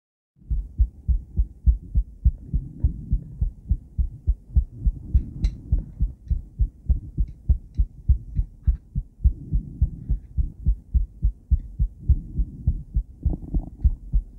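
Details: Steady, rapid rhythmic thumping with a whooshing pulse from a woman's heart, recorded by cardiac ultrasound Doppler with a different transducer and combined with ECG; normal heartbeat.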